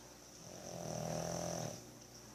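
A single drawn-out low rattling snore on one breath, with steady room noise behind it.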